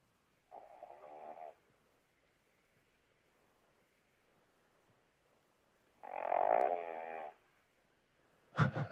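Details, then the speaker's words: Rescue pug adopted that day snoring loudly while asleep, with the nasal sound of a short-nosed breed, heard over a live call-in show. "Is that the dog? Oh yeah, this is my dog's been snoring. Oh, that is so cute."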